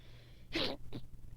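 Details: A single forceful sneeze followed by a short snort or sniff, over quiet room hum, from a person with allergies and a sinus infection, itchy watery eyes and a sensitive nose; sneeze.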